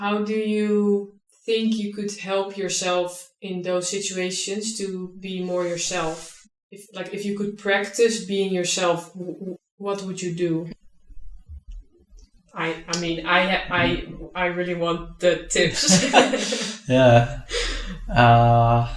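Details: Adult speakers in conversation; stuttering.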